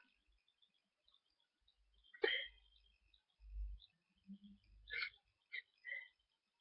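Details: Adult stifling sneezes early in the morning to avoid waking housemates, after the sneezes had been stuck the day before: short, muffled bursts with soft breaths between them.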